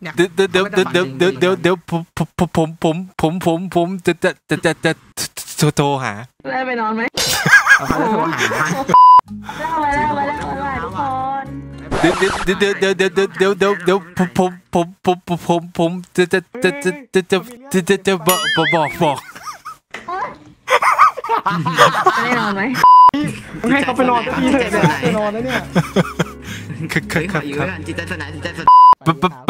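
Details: Male Thai speaker deliberately imitating a stutter as a prank, not a genuine disorder; imitated stuttering.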